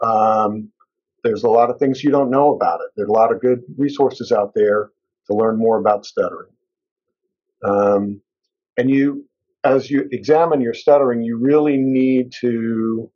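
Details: Adult male speaker; fluent speech.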